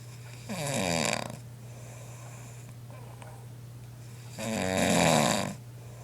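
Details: Person filmed snoring unaware while asleep: two loud, rattling inhaled snores about four seconds apart, roughly 15 breaths a minute, over steady room hum; snoring.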